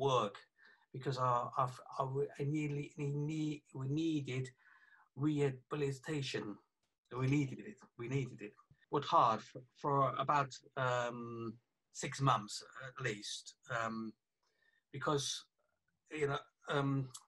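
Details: 48-year-old man, a police detective, with aphasia affecting communication after a stroke about three years earlier, plus right-sided weakness of his hand and leg; aphasia after stroke.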